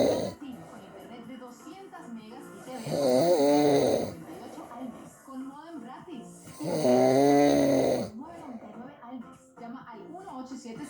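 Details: Father snoring: two long, loud, rough snores about four seconds apart, with quiet breathing between them.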